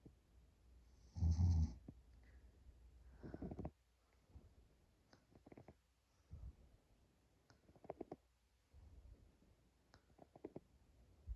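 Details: Short nap by a person who reports being more tired and snoring louder: loud, rough snores with quiet gaps between breaths; heavy snoring with sleep apnea.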